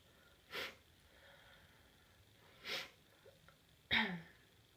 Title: really itchy sneezes